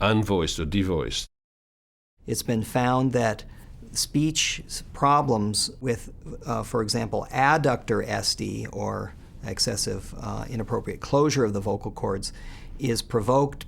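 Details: Adult male speaker; normal speech.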